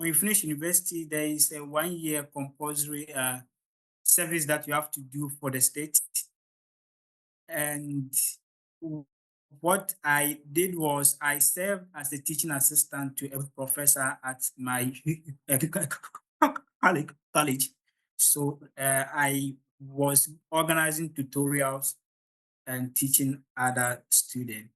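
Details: Adult man from Ghana who stammers, speaking at the start of a public talk, where he says his stammer is usually hardest before improving once he gains momentum; stuttering.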